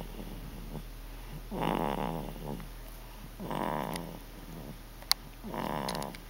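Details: 14-week-old baby with Dandy Walker snoring: three rough, rattling snores about two seconds apart over steady room hum.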